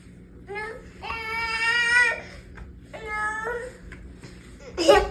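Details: Loud, drawn-out wailing cries with catches between them. Ordinary upset crying. Finding: toddler crying.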